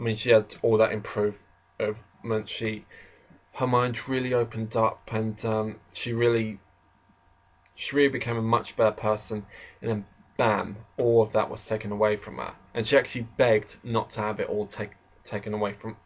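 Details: Adult male who describes himself as slightly stammering, in natural conversational speech; stuttering.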